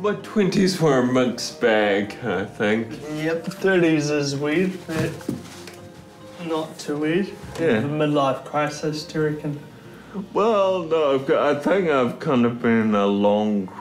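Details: Man turning 30 with Friedreich's ataxia, a progressive neuromuscular condition affecting coordination, balance and speech; ataxic dysarthria.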